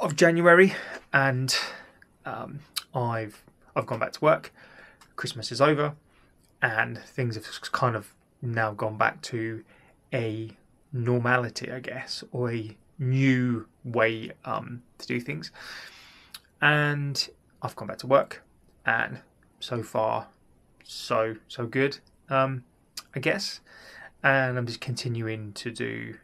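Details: Stuttering (stammering) since childhood in an adult male, linked by him to a childhood event; he is undergoing cognitive behaviour therapy for it.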